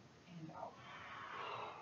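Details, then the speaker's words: Simulated assisted cough (head-whip technique) for a 48-year-old female with T7 spinal cord injury, bilateral pneumonia and ineffective cough; a brief voiced sound, then a long forceful breathy exhale. "And when you're breathing out forcefully, I want you to just whip your head forward."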